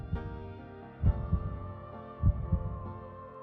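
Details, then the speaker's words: Heartbeat of a heart-disease patient treated at a homoeopathic clinic, heard as paired low thumps about 50 a minute under sustained background music. "Doctor अर्पित चोपड़ा जैन की modern homeopathic चिकित्सा को अपनाया और अपने दिल की धड़कनों को हम तक पहुंचा"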